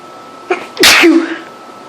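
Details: Person extremely allergic to cats, in a house with three cats and cat hair everywhere, sneezing all day: a single sharp sneeze with a brief intake, explosive burst of air and short voiced tail.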